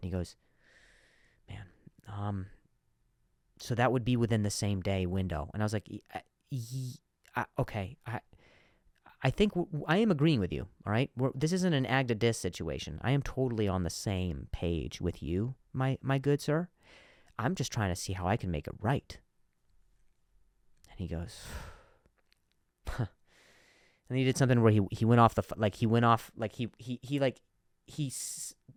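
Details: Adult male comedian who stutters, noting some words are hard for him to say, speaking naturally on his own podcast; stuttering.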